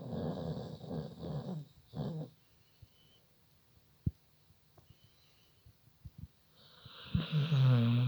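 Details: Sleeping dog dreaming: a few rough, rumbling snore bursts, then quiet with faint clicks before a louder snorting breath; ordinary snoring.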